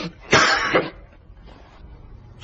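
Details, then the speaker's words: A single sharp two-part cough, then quiet room noise, in a comedic skit where performers ask who made the cough sound; cough. "누구 인거 지금 누가 기침 소리를 내어서 누가 기침 소리를 내어 놓은 거 아니야"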